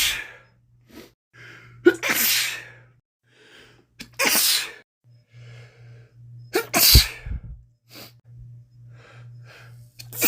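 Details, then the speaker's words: Man with a common cold, recorded during a week of cold progression; three forceful sneezes in a row with sniffling between them over a low hum. "Man, 3 in a row. 4. I feel like there's one more."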